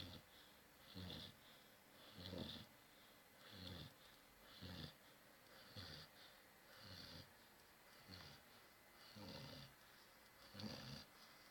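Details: Soft, snuffling snores with a slight whistle on each breath, about 50 a minute, from a sleeping dog.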